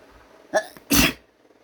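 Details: Deliberately induced sneeze in an adult with a runny nose: a short indrawn catch, then one sharp, forceful sneeze in a quiet room.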